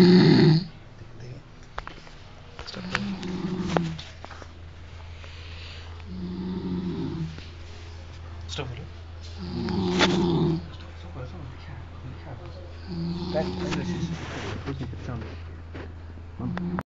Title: Incredible snoring ----MY Friends